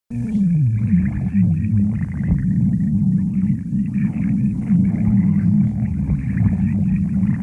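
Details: Loud continuous low rumbling and gurgling rising and falling in pitch for several seconds; stomach growling (borborygmi) from gas and fluid moving through the gut.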